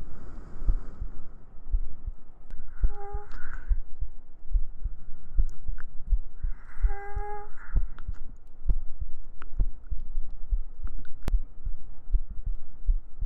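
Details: ASMR sleep-aid heartbeat recording with gentle breathing and humming: steady, regular low thumps at about 80 beats a minute, with soft humming twice in the background; normal heartbeat.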